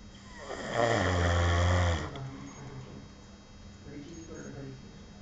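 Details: Person who fell asleep while on duty: one loud, rough, low rattling snore on a breath in, lasting about a second, then quiet room noise; loud snoring.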